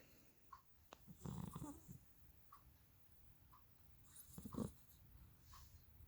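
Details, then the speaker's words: Persian kitten napping up there for the first time; soft, rough snoring at about twenty breaths a minute in a quiet room. "do you guys remember when Percy is to lie behind my head on the futon and snore well look what I just heard"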